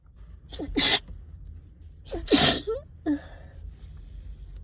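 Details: Congested person, stuffed up all day, sneezing in a closet: two explosive sneezes, each after a sharp in-breath, then a smaller stifled sneeze; possible thuds from body movement.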